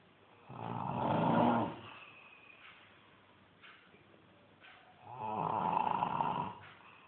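Two long, rattling breaths in, about five seconds apart, with quiet breathing out between; snoring, about twelve breaths a minute.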